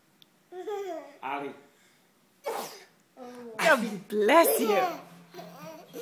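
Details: Pretend sneezing copied after a person sneezed and repeated over and over: playful voiced bursts imitating sneezes, mixed with giggles and babble. Deliberate, not a true sneeze.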